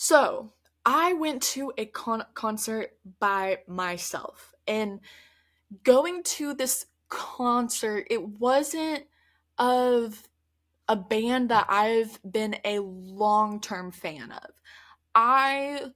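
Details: Adult woman who stutters, speaking conversationally on her podcast; stuttering.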